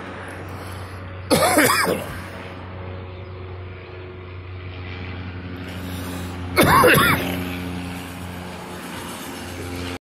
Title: me coughing